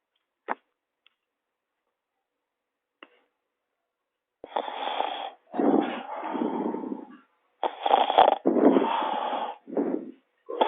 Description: bad guy'... sleep soundly without shame in people's homes,...no shame !!!